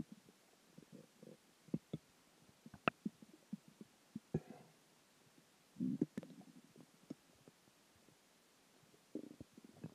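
Quiet, irregular gurgles, pops and short rumbles from the belly: ordinary stomach growling from food, water and gas.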